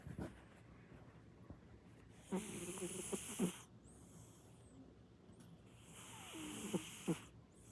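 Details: Loud rumbling snore from a sleeping cat, likened to a train.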